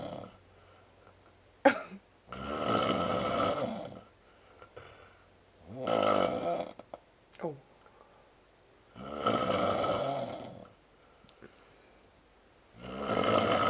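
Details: Adult man's loud, rough snoring after Oktoberfest drinking, repeating every three to four seconds with quiet pauses between.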